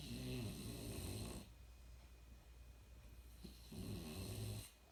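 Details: Dakota, an animal that snores very loudly and often; snoring.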